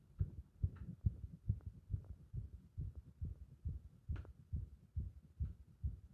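Fast, somewhat uneven muffled heartbeat near 140 a minute with occasional louder extra beats, fitting an irregular heart rhythm.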